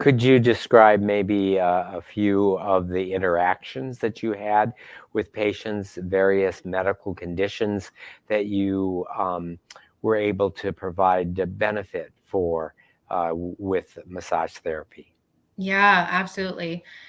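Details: Adult speaker; normal speech.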